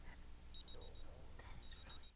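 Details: Two quick runs of four high-pitched electronic beeps over faint room noise, from a digital thermometer signalling its reading is ready during a vital-signs check.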